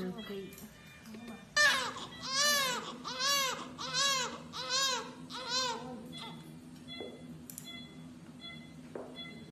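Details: Newborn crying at birth, with the delivery described as both normal and C-section: five rhythmic crying bursts with room noise around them; a normal newborn cry.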